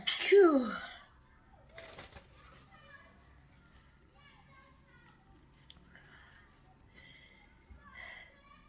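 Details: Single sharp, loud sneeze during a long sneezing fit attributed to the weather, followed by quiet room sounds and faint murmuring.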